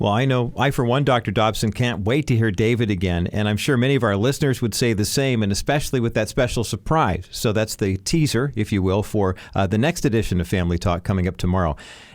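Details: Adult male speaker, radio-style announcement; normal fluent speech.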